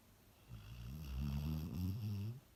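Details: Cocker Spaniel dog snoring: a single deep, rumbling snore with a low, humanlike tone, heard in a quiet room.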